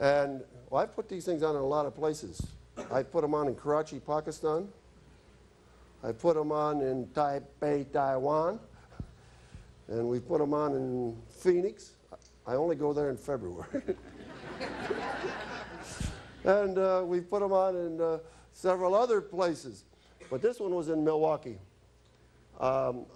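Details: Adult male speaker; normal speech.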